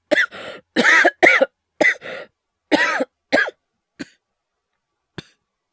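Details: Simulated coughing performed by a male voice actor for an acted cough compilation: about seven harsh acted coughs, several in paired bursts, then two faint short coughs; not a real illness.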